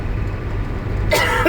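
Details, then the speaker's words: Person driving an ambulance vehicle while getting over an illness: steady low engine rumble, then one short, harsh cough-like burst close to a throat clear; cough. "And as you can tell, the weather is subpar. You can hear me coughing."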